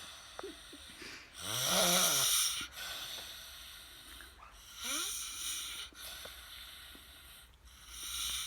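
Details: Snoring.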